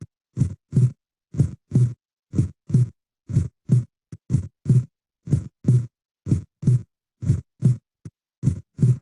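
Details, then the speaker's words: Normal heart sounds at about 60 beats a minute, steady paired lub-dub with first (S1) and second (S2) heart sounds clearly distinguishable; teaching demonstration for timing the cardiac cycle. "فبعد اذن حضراتكم غمضوا عينيكم، اسمعوا الصوت بس، وارفعوا ايديكم مع الفيرست ساوند ونزلوها مع السكند ساوند"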